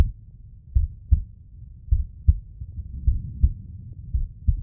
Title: Warwick (slow motion) (heartbeat sound)